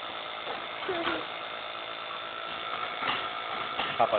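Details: Nebulizer compressor running during a breathing treatment given at home by a pulmonologist to a 1½-year-old girl with a month-long cough: steady mechanical motor hum with brief voices in the room.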